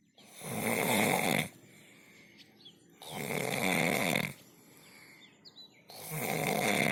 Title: Deep sleep......! Snoring....